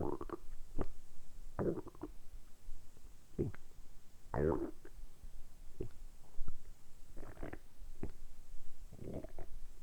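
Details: Stomach rumbling (borborygmi): repeated low gurgles and short squelching bursts from the abdomen, recorded close up, deliberately produced during about ten minutes of continuous rumbling for an ASMR recording; ordinary bowel sounds.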